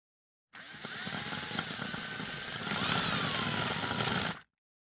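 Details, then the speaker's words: Hammer toe surgery ASMR: surgical drill boring a hole into the upper bone of the toe joint before screw fixation, high-pitched motor whine with grinding rattle for about four seconds, rising slightly in pitch. "create hole in the center of upper bone foreign hole in the center of lower bone drill a hole in the upper bone"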